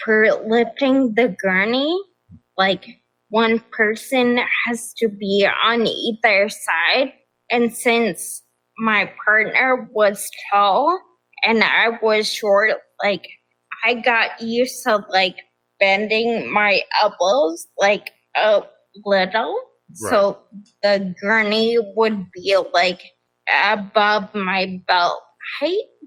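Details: Adult woman with progressive ataxia of still-undiagnosed type; began at age 26; affects nerves, balance and speech, with nerve pain; mainly a wheelchair user; also severe anxiety and depression; ataxic dysarthria.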